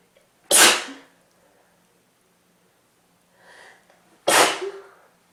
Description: Another cold wav for you guys, a little short but there are some sneezes and a stuffy blow at the end.